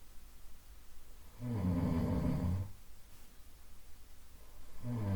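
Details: Looped sleep-sound recording of a soft nasal snore: low rumbling snore on inhalation separated by quiet pauses, slow steady rhythm; snoring.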